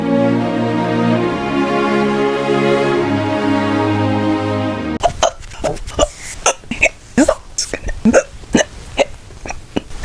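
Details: After music, a series of short, sharp, irregular hiccups, some quiet and some loud.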